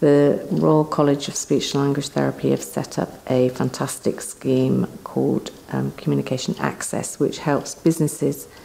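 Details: Adult speaker; Normal fluent speech.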